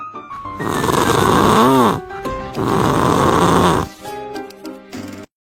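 Two loud, long, rattling snores over background music: snoring.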